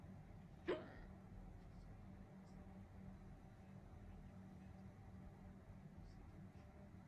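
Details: A woman's single sharp, brief hiccup against a steady low rumble of vehicle noise.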